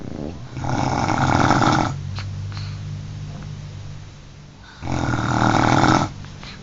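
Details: Two sleepers snoring together, recorded on an Android phone; snoring.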